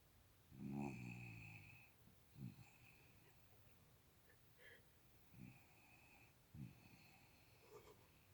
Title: puppy dog snoring